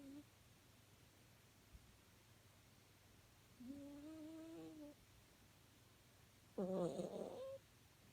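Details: Snoring from a sleeping cavapoo puppy: two drawn-out, high-pitched squeaky whistling snores against quiet room hum.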